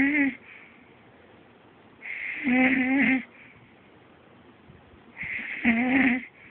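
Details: Girl's medium to medium-loud snoring during sleep, louder than her usual: regular breaths about 20 a minute, each with a whistling, humming nasal tone and a soft rasp.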